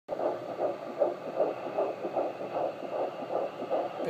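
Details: Fetal heartbeat of a baby girl on Doppler: fast, regular whooshing pulses at about 155 beats a minute.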